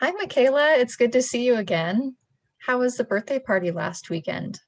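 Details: Adult woman, acted clinician role; fluent speech.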